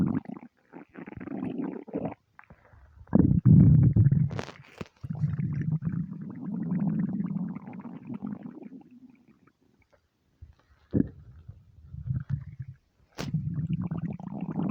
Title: starving stomach rumbles